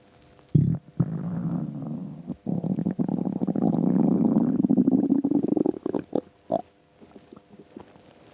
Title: Empty stomach rumbles